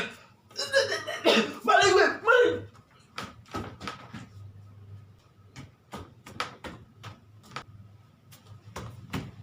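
Several loud voiced cough-like bursts, then a series of short sharp coughs in a small room; imitated coughing.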